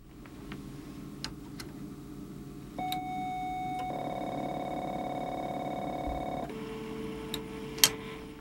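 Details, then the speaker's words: Thymatron System IV ECT device delivering a treatment stimulus: a short warning beep, then a steady buzzing tone while current flows, lasting a few seconds before a lower tone follows. "after the ones second warning signal the treat button lights up and a buzzing tone sounds while the current is on the light and tone both remain on for the full duration of the treatment stimulus and turn off when the stimulus delivery is complete"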